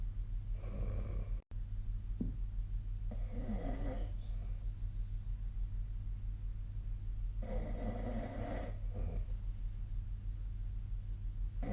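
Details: Snoring recorded with the SnoreLab app: three rough, rattling snoring noises on breaths a few seconds apart over a steady low background hum during sleep.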